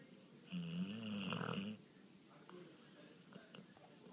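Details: Sleeper whose snoring is loud enough to hear from the next room: a single loud buzzing, whistling breath lasting over a second, then quiet with faint clicks; snoring.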